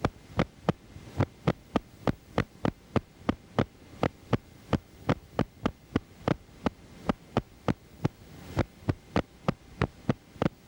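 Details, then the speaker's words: Needle EMG teaching recording of myokymic discharges, the essential finding in myokymia-cramp syndrome; myokymia is most often seen in Isaacs syndrome, demyelinating neuropathy, radiation plexopathy and timber rattlesnake envenomation. "Myiochemic potentials are essential findings in myiomia cramp syndrome. Myiomia is most frequently seen in Isaac's syndrome, demiolinating neuropathy, radiation plexopathy and timber rattlesnake in venomation."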